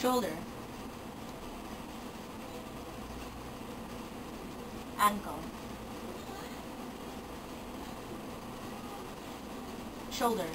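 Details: Semantic perseveration, recurrent type, in aphasia: delayed recurrence of a previously produced whole word during picture naming.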